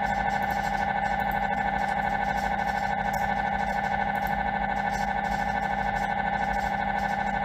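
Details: MRI scan: loud, steady, rapid electronic buzzing pulses at about 150 a minute; normal MRI scanner running noise.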